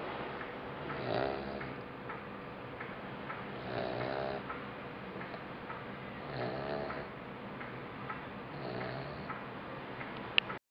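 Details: Labrador puppy about 2.5 months old, sleeping deeply: soft, regular snores roughly every 2.5 seconds with faint ticking in a quiet room; puppy snoring.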